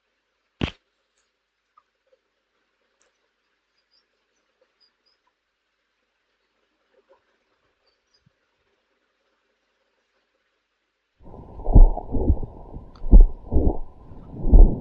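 After long silence, muffled heartbeats at about 43 a minute with a murmur late in systole: the late systolic murmur of mitral valve prolapse.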